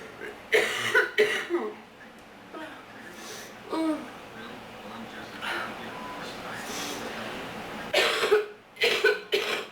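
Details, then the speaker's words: Person sick with bad allergies and sore throat, illness lasting long: repeated short coughs with throat clearing in bursts with a pause in the middle, room noise behind. "Should have stopped being sick. Ugh, it's been going too long."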